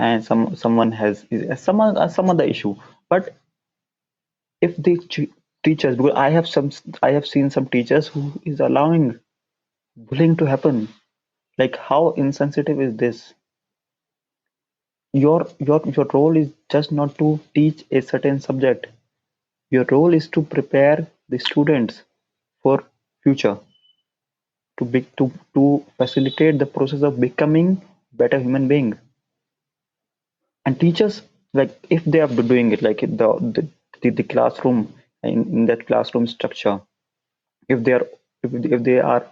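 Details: Adult man who stammers, with onset around nine years old, speaking English; stuttering.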